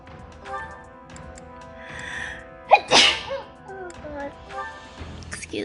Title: V-tuber sneeze